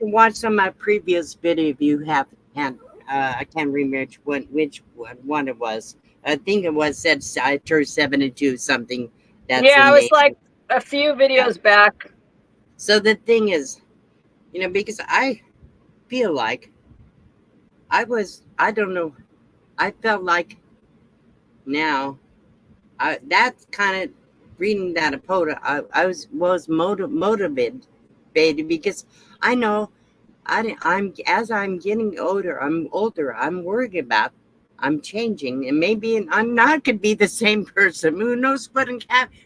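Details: Adult woman with aphasia after her second stroke; speech was her only affected function, with no paralysis; repetitions and word-finding difficulty are heard.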